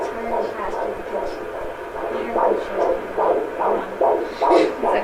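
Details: Doppler at a doctor's office picking up an unborn brother's heartbeat in a pregnancy with two babies: rapid rhythmic whooshing pulses about 145 a minute with faint room noise; fetal heartbeat on Doppler.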